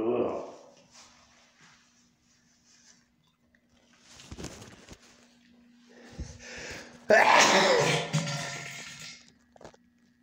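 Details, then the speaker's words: A hard sneeze that upset the stomach, with stomach pain: several bursts of sneezing with soft breaths between, ending in one loud sneeze. "Oh my God, my stomach hurts. I'm sneezing. I don't know why I'm sneezing."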